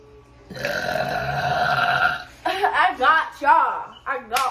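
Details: Burp compilation: a long, loud, rumbling belch, then several shorter voiced belches with vocal sounds between them.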